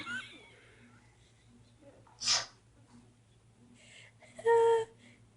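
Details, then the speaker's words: Young child being encouraged to take a step while standing: a single sharp, hissing sneeze burst, with a fart, followed by a brief low voiced sound against quiet room hum; sneeze. "mommy cost us nice fart on camera that's awesome yeah just trying to get a step and I got a sneeze fired let's try this again"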